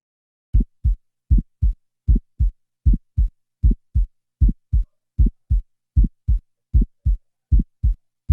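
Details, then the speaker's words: Systolic ejection click in a lesson on precordial exam: regular heart sounds at about 78 a minute with an early high-pitched click in systole after S1, from semilunar valve opening, attributed to leaflet calcification as in aortic or pulmonary stenosis. "então o som do clique de abertura por calcificação dos folhetos né a órte corpo monar é mais comum na estenose aórtica e pulmonar Então a gente tem um som no pequeno silêncio vamos ouvi-lo"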